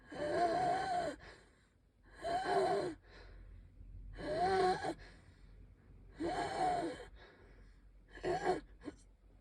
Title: I can hardly breathe- wheezing, coughing